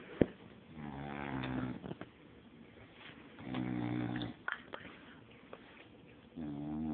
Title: snoring